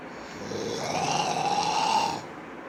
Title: Roncando